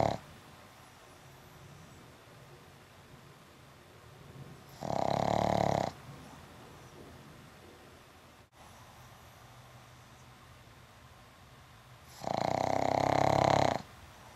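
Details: Pug named Butter sleeping after an afternoon at the dog park; two loud, harsh, rattling inspiratory snores several seconds apart, quiet breathing between, 'like a Harley Davidson'; snoring.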